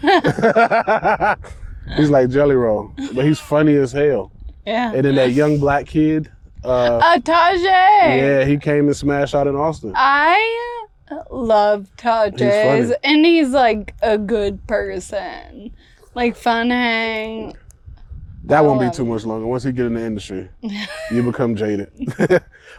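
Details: Ataxic dysarthria in a 28-year-old woman with Friedreich's ataxia, a progressive genetic disease. Speech and gait problems were noticed around age 15, with diagnosis at 18 about 10 years ago. She uses a wheelchair and takes Skyclarys to slow progression.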